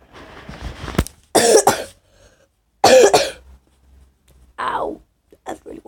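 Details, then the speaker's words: Child with a really bad cough and his voice going, giving about four harsh, forceful coughs in separate bouts, some doubled, with quiet gaps between: cough. "Because my voice is going. I got really bad cough."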